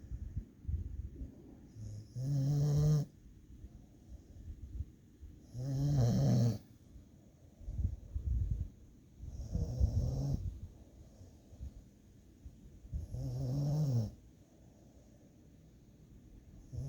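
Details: Dog snoring while taking a nap: four low, rattling inspiratory snores roughly every four seconds with quiet breaths between; sleeping dog snoring.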